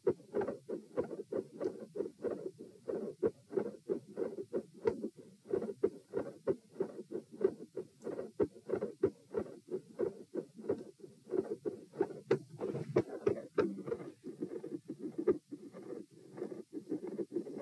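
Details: Heart auscultation at position T during a stress test (lying, sitting, standing, knee bends, standing, lying), rate 84–96–108–120–96 bpm; sounds start quiet, grow more intense and end very loud.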